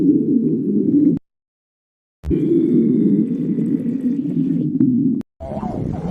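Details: Stomach growling (borborygmi): loud low gurgling rumbles with a rising and falling squeal, broken by short gaps, from gas and fluid moving through the gut.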